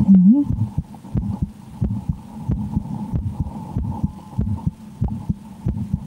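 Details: Own heartbeat heard through a stethoscope while playing the horror game Slender: The 8 Pages, said to change with extreme fear. Regular, fairly quick beat with a faint hum and a brief voice; normal heart sounds.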